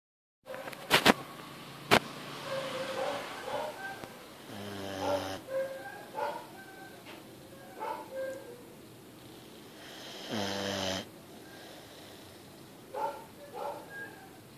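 A couple of brief rumbling snores stand out among clicks, snuffles and room noise.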